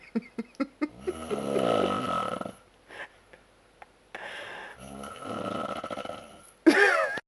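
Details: Adult man snoring after heavy drinking at Oktoberfest: loud, rattling snores on breathing in, with short snorts and pauses between, in a quiet room.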